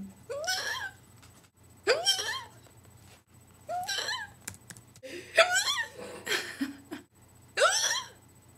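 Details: Abrupt voiced hiccup gulps, roughly six in eight seconds, some with a laughing quality, likened to stepping on a kitten; hiccups.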